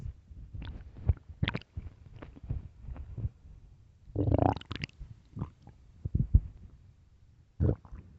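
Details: Late-night stomach growling (borborygmi): low, irregular gurgling and rumbling with bubbly pops and a longer growl midway.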